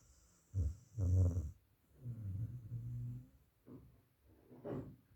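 Deep, loud, rumbling snorts and rattling breaths in an irregular pattern; heavy snoring in a dog.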